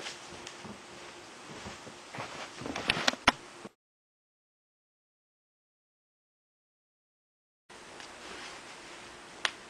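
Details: A few sharp, brief pops against quiet room noise as the person deliberately cracks joints; joint cracking.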